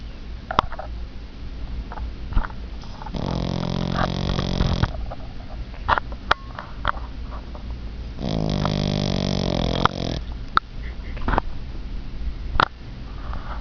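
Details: Snoring: two drawn-out, rumbling snores about five seconds apart over steady room noise and scattered clicks; loud, disturbing snoring.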